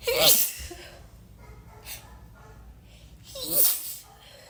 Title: A LITTLE HELP INDUCING MY SNEEZES